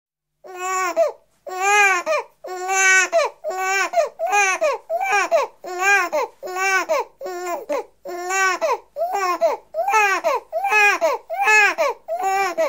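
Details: Six-week-old baby boy crying (1984 sound-library recording): rhythmic rising-falling wails at about 76 a minute separated by short breaths; ordinary young infant cry.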